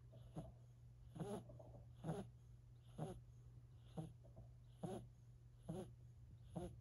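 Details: 4-month-old silver Siberian kitten asleep: soft, regular snoring breaths, about 69 a minute, over a steady low room hum; snoring.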